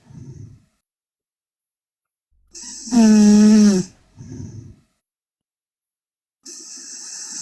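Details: Korean girl asleep: loud, drawn-out snores with a strong buzzing tone, quieter breaths between; heavy snoring.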